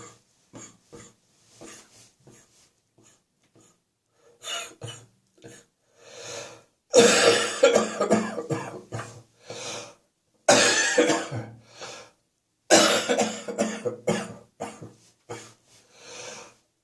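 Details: Repeated bouts of harsh coughing in clusters, about a dozen coughs with throat clearing and breaths between: a persistent cough, performed in a jokey "cough around the clock" piece.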